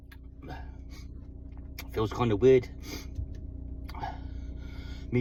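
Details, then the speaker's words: Adult with chronic lung condition on medication, coughing fit in a parked car after only walking up steps, trying to clear mucus, sometimes dizzy: three close, loud voiced spluttering coughs; chronic productive coughing fit. "Well, that was my coffin fit I had this morning before I went to work."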